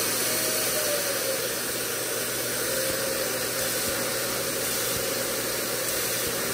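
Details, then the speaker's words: Nosiboo Pro electric nasal aspirator with continuous suction, reviewed by a physician mom for babies: a loud, steady whooshing motor roar without a break, at maximum suction; the nasal aspirator running. "okay i'm not gonna lie this sound is super scary okay but uh seriously it doesn't matter what sound or anything"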